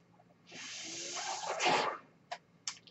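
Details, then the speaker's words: A steady rushing hiss of air lasting about one and a half seconds, then two short clicks: one breath cycle of the speaker's own mechanical ventilator. "My name is, and that noise here is my ventilator."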